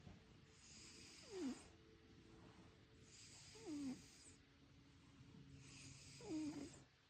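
Soft, slow snores from a sleeping cat, about one every two to three seconds, each with a brief rattling, falling tone; ordinary snoring.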